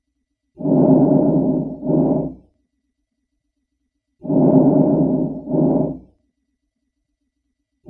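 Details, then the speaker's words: Normal vesicular breath sounds, heard over most lung fields: soft and low-pitched, with inspiration longer than expiration and no gap between the phases. "this is the normal sound on most of the lung and lung fields it is soft low pitch inspiration longer than exploration no gap between the faces"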